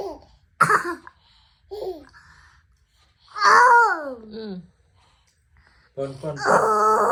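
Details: A short, sharp cough from a child (an older sibling) breaks in among an infant's giggling, babbling laughter at the cough.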